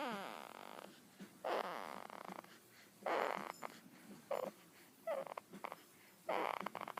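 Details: Light infant snoring from a baby: soft, snuffly snorts at irregular intervals every one to two seconds, with quiet breathing between.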